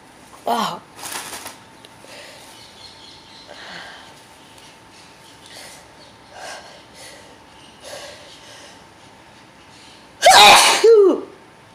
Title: very intense sneezing